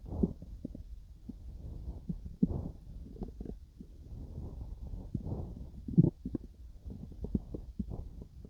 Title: my stomach growling while digesting some food